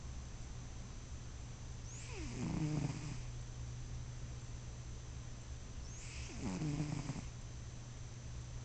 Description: my cat bruschi sleeping. he snores